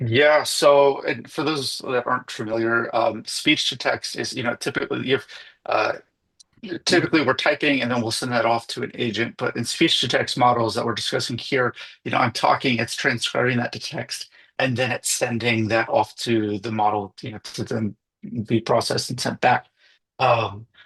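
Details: Adult male speaker; typical speech.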